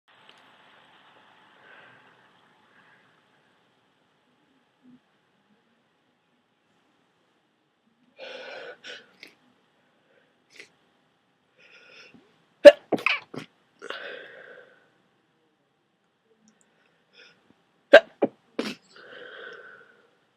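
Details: Person with a head cold and thick, dripping mucus, after holding off blowing their nose: quiet sniffs and breaths, then two sharp, messy sneezes a few seconds apart, each with catches and a wet exhale.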